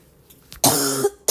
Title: the more I cough, the more I feel like coughing